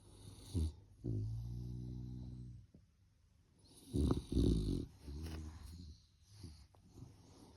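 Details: Puppy snoring while sleeping in its bed in the morning: rough, rattling low breaths, some long and buzzy, with brief snorts between them.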